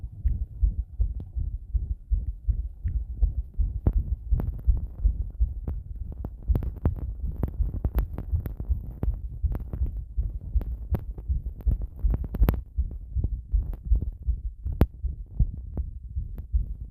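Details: Heart sounds recorded with pressure against the chest after bathing: steady, fairly quick low thumping heartbeat.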